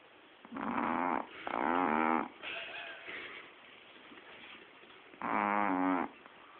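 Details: Snoring from a sleeping Shih Tzu dog, with music in the background.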